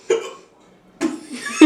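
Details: Two abrupt, voiced hiccups about a second apart in a quiet room; hiccups.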